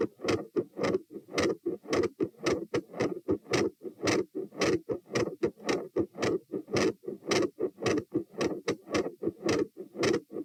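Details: Recorded at position T while standing, 108–120 bpm: fast, loud heartbeat with a gradually changing S2 murmur and an intermittent machinery murmur.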